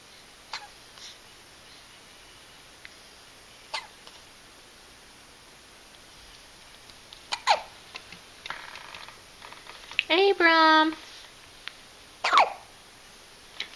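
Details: Hiccups in a two-week-old infant: several brief, sharp hiccup sounds spaced irregularly, with a short fussy cry, in a quiet room.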